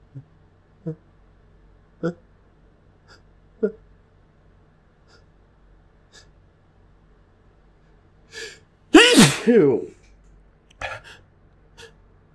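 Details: Build-up sneezes that felt much bigger than usual: several short catching breaths lead to one loud explosive sneeze, then a smaller burst; sneezing.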